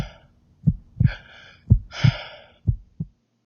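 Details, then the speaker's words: Simulated telemedicine scene with a smartphone placed on the chest of a 72-year-old man taking deep breaths: regular paired heart sounds near 60 a minute with breath noise, normal heart sounds, though possible lung fluid is mentioned. "your heart sounds are normal but it sounds like you might have some fluid in your lungs i've recorded your breath sounds and breathing pattern for the doctor to review"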